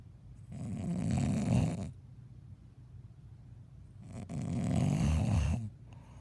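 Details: Two long, rough, rattling breaths about four seconds apart, low and harsh with quiet gaps between: heavy snoring in a sleeping person.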